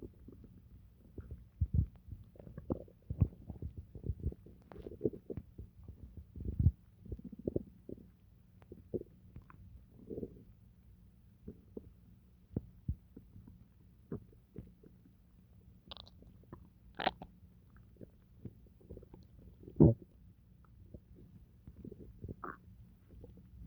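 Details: Bowel sounds after eating pizza: irregular gurgles, pops and low rumbles of an active gut.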